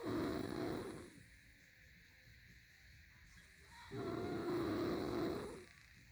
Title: 10/31/19 snoring like crazy